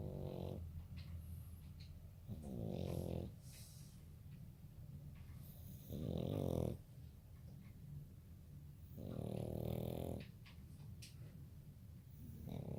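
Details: A French bulldog puppy, exhausted and asleep after a long walk, gives rhythmic rumbling snores about every three seconds, roughly 20 a minute: loud snoring.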